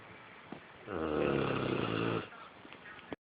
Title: Snoring boxer